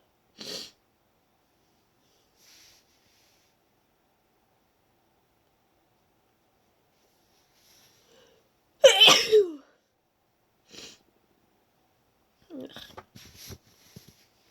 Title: Induced wet sneezes